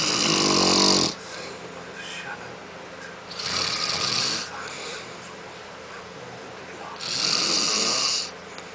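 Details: Adult man asleep, who denies snoring, recorded by his wife: loud, harsh rattling snores with quiet gaps, about three in under nine seconds.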